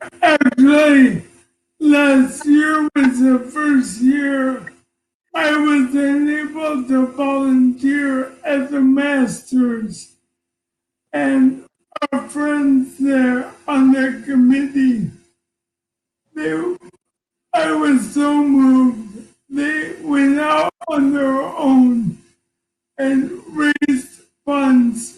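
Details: Man diagnosed with ALS in 2019 at age 54; he reports ALS is affecting his voice and making him hard to understand, with his wife interpreting; dysarthria (ALS).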